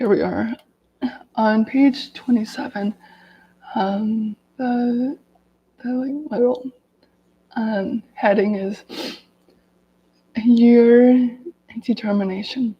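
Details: Adult woman with lifelong daily stuttering reading aloud from a self-therapy book to demonstrate her stutter; stuttering.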